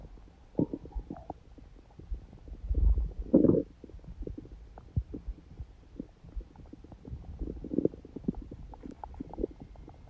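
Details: Quiet gurgles and soft rumbling bubbles come and go, ordinary digestive bowel sounds. Recorded on a day after a morning smoothie and salad, when hunger and digestion sounds stayed faint.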